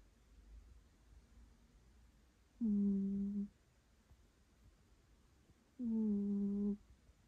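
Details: Female cat sleeping curled in a ball: two long, steady humming snores, each about a second, loud from her breathing, in a quiet room; snoring.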